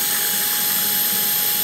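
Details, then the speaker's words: Surgical power drill used freehand, without the guide, during tibial tubercle osteotomy, drilling through the tibia to the far cortex for headless compression screws: continuous, steady high-pitched whine. "so now we're going to actually drill and you can use it you can use the guide there's actually a guide that we can use also I'm going to just freehand this right"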